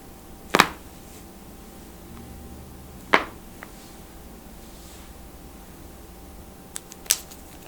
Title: Cracking EVERY Joint in Our Bodies!! (Necks, Toes, Ears, Knuckles, Backs, Wrists, and More!)